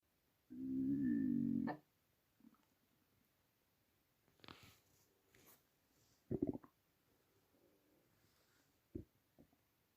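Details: Loud borborygmi from a hungry, empty stomach, audible even without a microphone: one long, drawn-out growl, then a few soft gurgles and pops in a quiet room.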